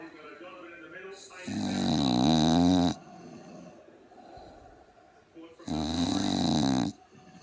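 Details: Sleeping pug dog snoring "like an old man": two loud, long, rattling inhaled snores with a throaty buzzing quality, with television sports commentary in the background.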